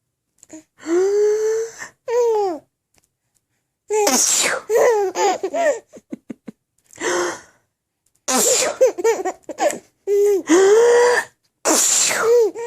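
Several short sneeze-like bursts with sharp intakes of breath, each followed by high, rising bouts of laughter.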